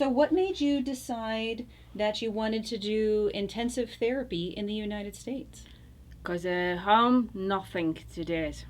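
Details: Adult woman speaking; typical speech.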